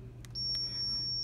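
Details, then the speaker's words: Zoll defibrillator on a crash cart during a routine check, dial in defibrillator mode and turned down from the 120-joule adult default to a 30-joule test charge: steady high electronic charging tone over low room hum. "what I'm gonna do is knock it down to 30 because that's test julik so now that said at 30 I'm gonna press charge"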